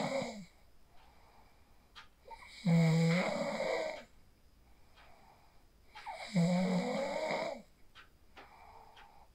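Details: Real sleep snoring recorded on a phone after practicing the 4-7-8 breathing technique: two loud, rough inspiratory snores, about 16 breaths a minute, quiet breaths between; ordinary snoring.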